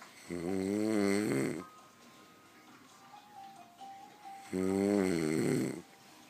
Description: Dad snoring please Rate , Comment , And Subscribe